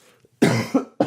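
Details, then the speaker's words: An adult on a late-night podcast gives a sharp, wet cough burst and then a shorter second burst, clearing phlegm from the throat. "you guys like the sound of that that cough getting that flim out of my throat so absolutely ludicrous"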